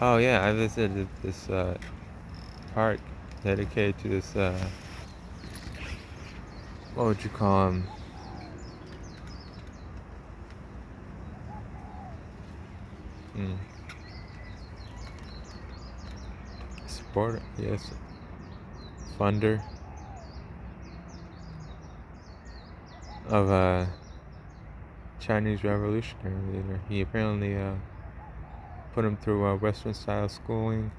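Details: Man narrating a travel log, self-described as having a speech impediment, type not named; speech impediment.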